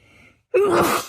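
A short silence, then one sudden voiced, explosive burst fitting a single sneeze.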